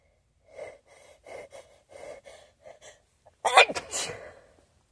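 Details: Staged scenario of a person sneezing into a new feather pillow their nose seems not to agree with: a run of quick breaths and gasps builds to one loud, explosive, partly muffled sneeze.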